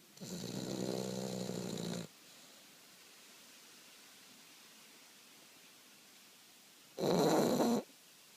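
Two loud, harsh, rattling snores, the first long and the second shorter, separated by a quiet pause of several seconds.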